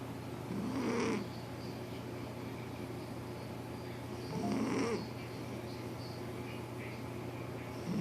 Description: Callie the calico cat doing what she loves most, sleeping and snoring. Her snoring is so loud and I cannot sleep!